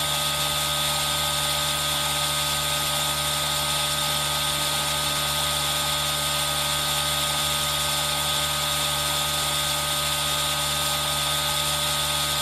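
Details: Constant buzzing machine hiss with a steady hum from an aerosol nebulizer, mixed with rain noise, recorded for ASMR with a Zoom H1n; a nebulizer running.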